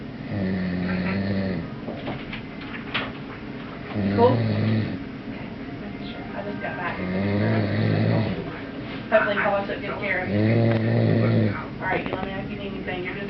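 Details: Loud, low, rattling snores recur in a steady rhythm at about 19 breaths a minute, with quiet exhalations between them; snoring.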